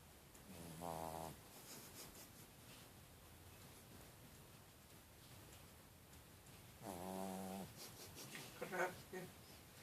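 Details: Two loud, buzzing snores about six seconds apart with soft snuffling between, from a sleeping small Chihuahua; snoring.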